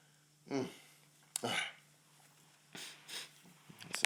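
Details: Male with a tickly nose: two short sharp bursts of air, each with a brief in-breath before, in a quiet room; ordinary sneezes.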